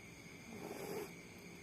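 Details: A single low, rattling breath sound, a soft snore against faint room noise, from a small child sleeping soundly with a pacifier nearby: snoring.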